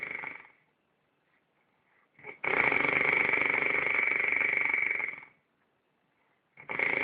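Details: Loud, rattling, fluttering noise on each slow breath, separated by quiet pauses; snoring.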